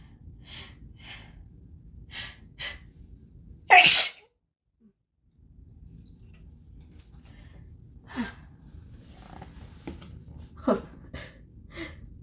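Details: Deliberately grass-induced sneezing at high pollen count, no known plant allergies: several short catching inward hitching breaths build to a single loud sneeze, followed by more hitching breaths.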